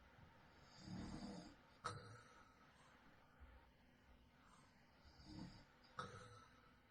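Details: Adult man snoring in his sleep at night, real recording: quiet room with low rattling snores on breathing in, each ending in a brief snort, about two breaths heard.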